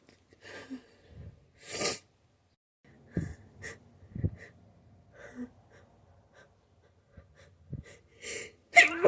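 Series of sharp sneezes, several of them muffled and stifled, with quick breaths in between; a sneezing fit.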